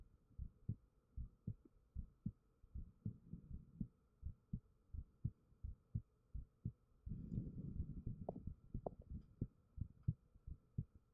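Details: Own resting heartbeat recorded with a 3Dio binaural microphone: steady, soft, low thumps with a brief rustle partway through, a normal heartbeat.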